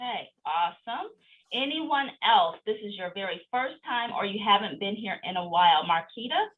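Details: Adult woman speaking; Normal speech.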